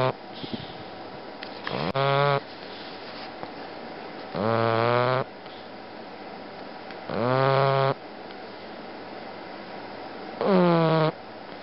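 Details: Loud, buzzy snores in four drawn-out bursts, about 21 a minute, with quieter breathing between, from a sleeping bulldog; snoring.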